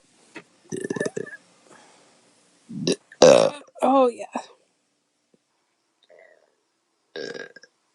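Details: Woman burping after chugging beer: several loud croaking burps, some drawn out and rising in pitch, separated by pauses in a quiet room.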